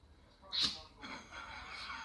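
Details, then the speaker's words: Dog during a sneezing fit, owner suspects he sniffed pepper: a single sharp, hissing nasal sneeze followed by soft sniffing breaths; sneezing. "You're sniffing pepper. Hi, you poor boy. Okay. That's the sneezes."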